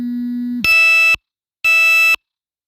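A low steady tone, then two loud high electronic beeps: a blood sugar monitor alarm.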